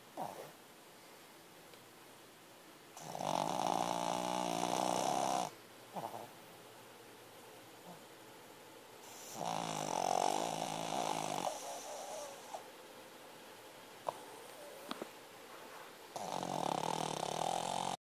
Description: He always snores like this or worse....no wonder I have trouble sleeping! !